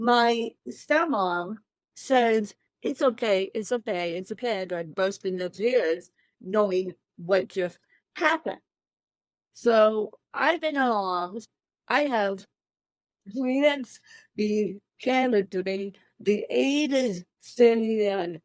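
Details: Adult woman with cerebral palsy since birth, born 13 weeks premature at one pound thirteen ounces, speaking in a real interview; dysarthria (cerebral palsy).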